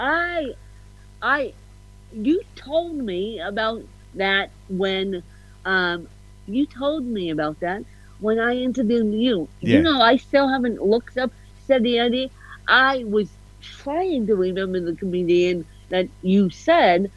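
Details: Adult woman with cerebral palsy, officially diagnosed at 31 as ataxic cerebral palsy (described as a mixed type, also called ataxic-spastic); slight speech impediment; ataxic dysarthria.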